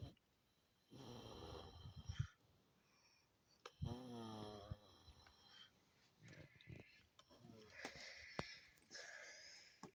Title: Mum Snoring Again